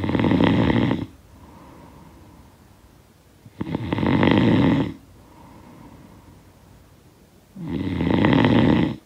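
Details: Three steady, coarse snores on breathing in, around 16 a minute, with quiet breaths out between; sound-effect recording of snoring.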